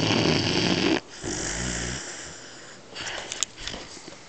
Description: 12 week old Weimaraner puppy snoring. Very funny!